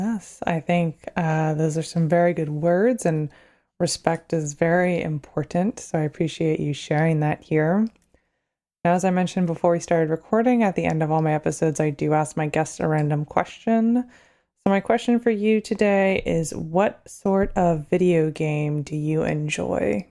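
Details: Adult woman; normal speech.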